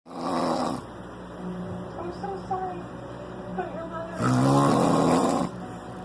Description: Falling to sleep after getting drunk